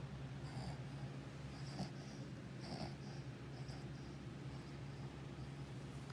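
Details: A sleeping dog with bad allergies, fur loss and ongoing medication: soft, quiet snuffling snores about once a second over a steady low room hum, ordinary sleep snoring.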